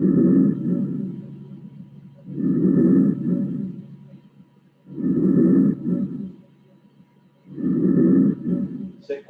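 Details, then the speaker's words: Soft, low rustling breath sounds on a mannequin simulator at the posterior chest auscultation zones. Inspiration is prolonged and expiration barely audible: normal vesicular breath sounds. "La primera parte es la inspiración. Y fíjense que no escuchan nada de expiración casi. ¿Sí? ¿Se escucha bien? O sea, inspiración prolongada, expiración apenas audible, murmullo vesicular."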